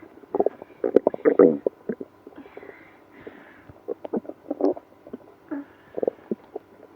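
Irregular gurgles, squeaks and rumbling bursts; active stomach growling in a person with irritable bowel syndrome.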